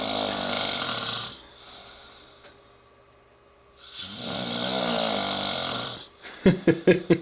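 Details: A man snoring: two long, loud, rattling snores separated by a pause, followed by brief snorting sounds.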